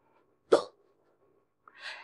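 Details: Woman hiccuping right after drinking a can of beer, in a role-play recording labelled AI: a single sharp, abrupt hiccup, then a short breathy exhale in a quiet room; hiccup.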